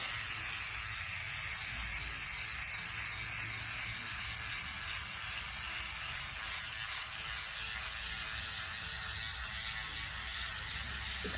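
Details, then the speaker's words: Microneedling pen running on the face of a woman in her 40s during her first microneedling treatment: steady high-pitched electric buzz with fast rattling hum, like an electric toothbrush. "damn i can't wait it sounds like my toothbrush it does doesn't it it does"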